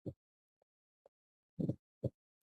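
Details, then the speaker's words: Fourth heart sound (S4) demonstrated in a cardiac examination lesson: low heart thumps with a soft extra atrial sound just before the first sound ("papam"), an S4 gallop. "Pero el cuarto es papam pa papam papam porque va con el primero."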